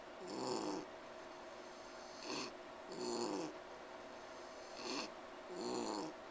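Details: Pet pig wheezing while resting and trying to sleep: noisy, snore-like breathing with a whistling, musical edge on each breath, about 23 breaths a minute.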